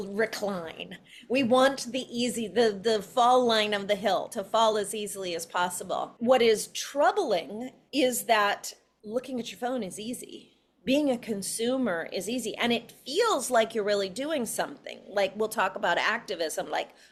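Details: Adult woman speaking; normal speech.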